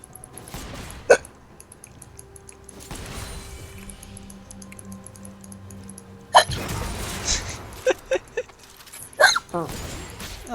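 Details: Several short, sharp, abrupt catching sounds at irregular intervals over background music and room noise: a girl with hiccups.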